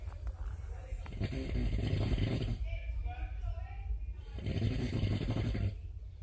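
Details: Adult man snoring in a cabin, described as like a tractor: deep, loud, rumbling snores on each breath in, with a quieter rattling breath out; heavy snoring.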